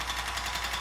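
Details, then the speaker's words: Radial shockwave therapy device on chronically tight, stiff trapezius muscles, set to lower frequency and higher energy for deeper penetration: rapid, buzzing mechanical tapping. "ar some noise very high frequency but not a lot of death not a lot of Hertz okay a lot of bars of pressure that's great for paintings"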